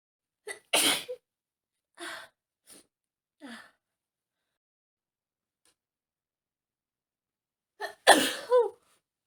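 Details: Female sneezing from dust while cleaning a messy room: short in-breath, forceful sneeze, a few small sniffs, long pause, then a second sneeze ending in a brief voiced sound.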